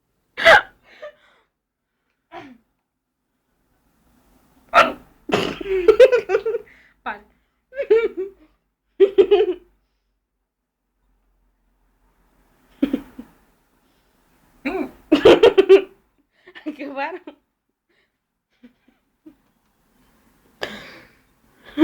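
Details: Repeated abrupt, sharp gulping hiccups every few seconds, broken up by bouts of laughter and voiced sounds; hiccups.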